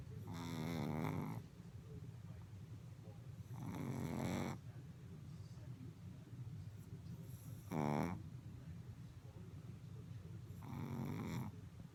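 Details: A small Chihuahua, worn out, snores in sleep with rumbling snores every three to four seconds, about 18 a minute, over a low television murmur.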